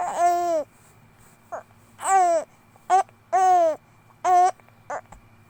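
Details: 2-month-old infant gives short, high-pitched fussing cries and coos in bursts, with brief pauses between.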